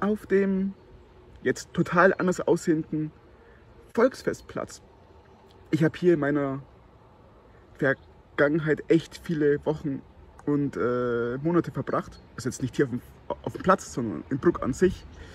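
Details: Stuttering in an adult man who reports his stuttering worsens in winter, in the cold, and when he has a cold; speaking outdoors.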